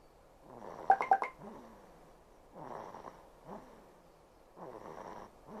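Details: Daughter aged 68 days, sleeping; nasal mucus suctioned before dawn but parent suspects some remains further back. Soft repeated noisy breaths with a light nasal rattle and a few brief squeaks: gentle infant snoring.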